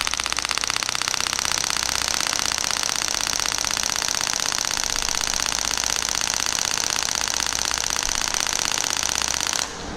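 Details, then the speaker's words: Compression (radial) shock wave therapy handpiece, 600-shot preselection, malfunctioning and occasionally missing shots, projectile likely worn out: rapid regular mechanical clicking about four per second. "So by the way, this is not functioning properly because actually I can feel that every now and then is missing shots, so to speak. Very likely the bullet has had it."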